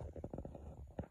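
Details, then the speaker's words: Lactose-intolerant person after drinking a lactose-containing chocolate milk stout, sitting on the toilet about 20 minutes with the bowels still gurgling; bowel sounds (gurgling). "i don't know how long that'll be i've already been here about 20 minutes already and it's still gurgling"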